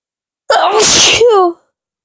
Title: More Powerful Sneezes